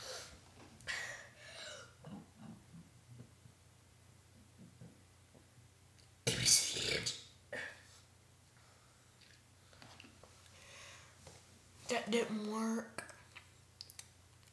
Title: burping with massive talent